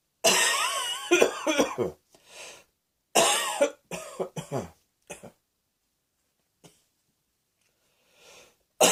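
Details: Several harsh, forceful coughs in two clusters, with throat clearing between them, then quiet breaths.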